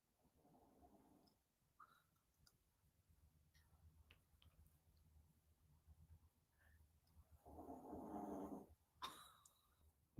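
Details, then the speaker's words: A sleeper who snores really loud gives two loud, rough, rattling snores about seven seconds apart, with quiet breathing and room hum between them; ordinary snoring. "She snores really loud. Oh my God, Buffy, listen to it, Armine."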